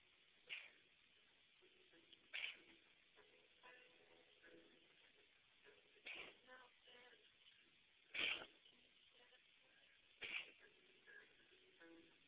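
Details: A cat gives five short, sharp, hacking coughs over about twelve seconds, attributed to a Mycoplasma respiratory infection.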